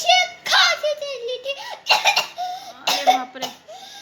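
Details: A young child gives several short, forced coughing bursts mixed with high, whiny voiced sounds after being refused a phone; a deliberate fake cough, not an illness cough.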